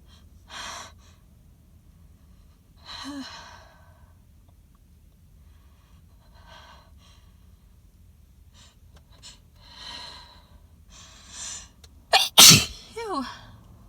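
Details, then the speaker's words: Several gasping, breathy build-ups ending in a loud, explosive, wet sneeze and a short voiced outburst, in an intense, dizzying sneezing fit with full-body sneezes that double the person over. "oh these are like coming from my soul and they're making me so dizzy but they they feel really really good when they come out um because it's just teasing so bad in between and i can't i can't stand it"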